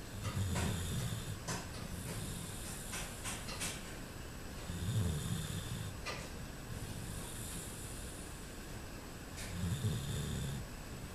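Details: Low, rumbling snores recurring about every four to five seconds over steady background noise, from a sleeping man at night; snoring.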